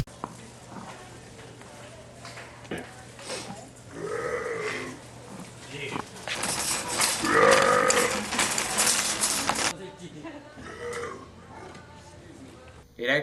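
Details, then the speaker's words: Adult deliberately burping around unsuspecting shoppers in a store as a prank: long, loud, voiced voluntary belches over store background noise and distant chatter. "going into Walmart we're gonna be burping I'm gonna be burping around unsuspecting individuals"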